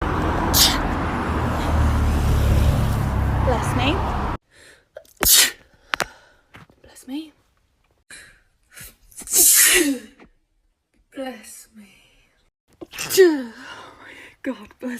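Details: A run of sharp, explosive sneezes with quick gasping breaths between them, following a stretch of loud noise; sneezing.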